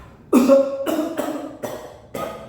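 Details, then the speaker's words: Simulated partial choking in a nursing skills demonstration: standing adult man choking on a meatball is told to cough; four forceful coughs in quick succession, the first loud and voiced. "Bapak sekarang berdiri. Bapak batukan. Batuk, Pak. Batuk, Pak. Iya, Pak. Batuk lagi 5 kali, Pak. Terus, Pak. Batuk lagi, Pak."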